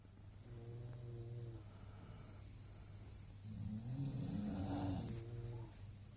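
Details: Slow, deep rattling snores with a low droning tone on each breath, three full cycles over about six seconds, from a person nicknamed a goatmonster, recorded in a Queenstown hostel; low volume; snoring.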